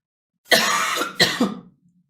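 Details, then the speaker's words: Harsh, dry cough: two forceful, rough bursts in quick succession from a girl who says she has a bad cough and a hoarse voice. "Ai, amoras, hoje, hoje você tem que ter assim, ó, uma paciência de aguentar essa minha voz rouca, de aguentar a minha tosse."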